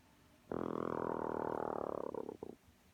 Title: 🐥Chicken snoring🐥